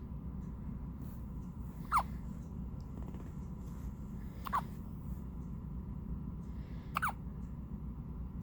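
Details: Newborn baby: three brief, sharp, squeaky hiccups about 2.5 seconds apart, roughly 24 a minute, over steady low room noise; newborn hiccups.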